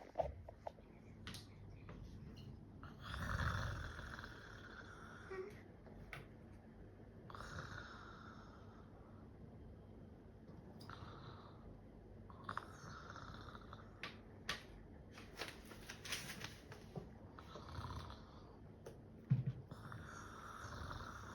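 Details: Imitated snoring: an adult pretends to sleep and snore to distract someone. Repeated rough, rattling fake snores about every four seconds in a small, quiet room.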